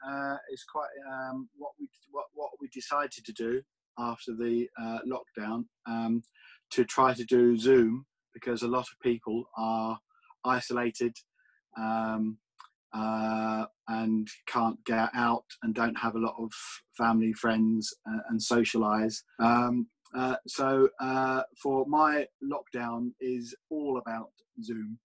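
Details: Adult with aphasia after a stroke seven years ago, speaking with aphasia.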